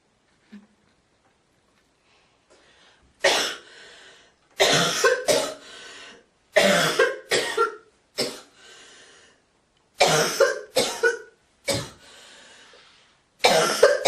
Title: girl coughing, Hocking and spiting❣️